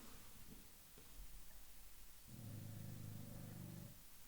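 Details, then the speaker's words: Sleeping dog snoring loudly in a quiet room: low, rumbling snores with a sustained buzzing stretch. "i don't know if you can hear that but the dog is snoring like crazy hold on"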